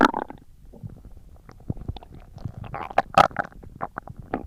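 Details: Stomach growling recorded for ASMR: gurgling, bubbling bowel sounds with irregular squeaks and pops over several seconds, ordinary borborygmi.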